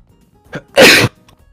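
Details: A Minecraft streamer sneezes during gameplay: a short in-breath, then a single loud, explosive sneeze burst, with faint background music; sneezing.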